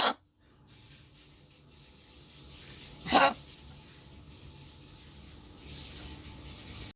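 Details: A cough.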